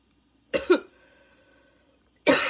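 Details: Second coughing fit minutes after the first, lungs struggling and inhaler badly needed: a harsh barking cough, then a faint high wheezing whistle as breath drains out, and another cough starting.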